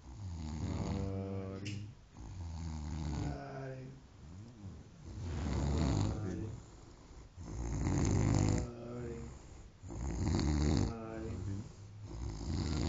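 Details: Friend snoring on Christmas day: loud, rough, rattling snores with each breath in and out, roughly five cycles; heavy snoring.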